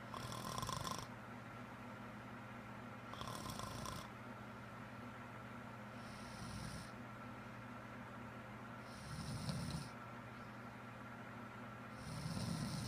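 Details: Adult woman with a serious, persistent loud-snoring problem of unknown cause: loud, rough, rattling inward snores about every three seconds over steady room hum; heavy snoring.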